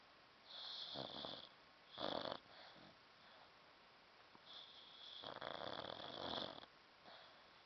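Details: Sleeping dog snoring: rough, rattling snores over several breaths in a quiet room; ordinary snoring.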